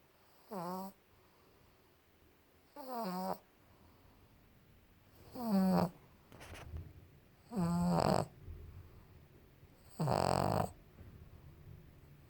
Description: Pug pablo snoring